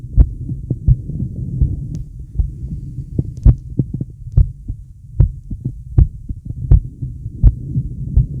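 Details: Male heartbeat with deep breaths: low, steady heartbeats at about 80 a minute over a breathing hum with occasional clicks; a normal heartbeat.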